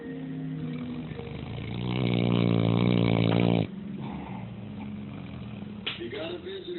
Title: Big dog passed out snoring